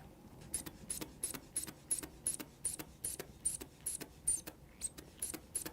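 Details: Adult man's blood pressure being taken, arm relaxed at heart level: quick rhythmic hand-bulb squeezes with short air hisses, about three per second, as a manual cuff inflates; readings around 125/78.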